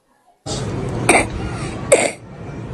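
Two loose, wet coughs from a child, with a rattly chest quality: a moist, productive cough with phlegm in the chest.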